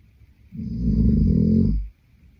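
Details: Adult male (boyfriend) snoring in sleep: one low, rattling snore lasting over a second, rising and falling in a quiet room.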